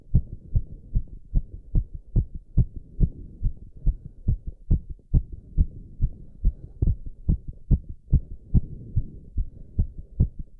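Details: Male's very fast heartbeat while doing squats, with heavy breathing and recovery: rapid, regular, strong beats near 145 per minute, sinus tachycardia after exercise.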